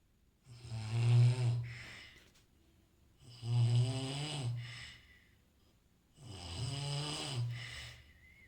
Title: குறட்டை ஒலி Snore Sound